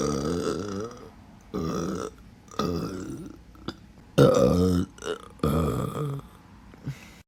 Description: Some more sexy burping for everyone